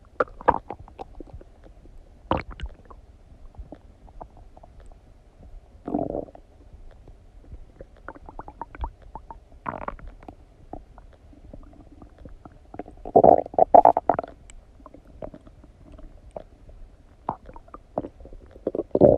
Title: Stomach digesting noises after eating some donuts | My Stomach Makes Noises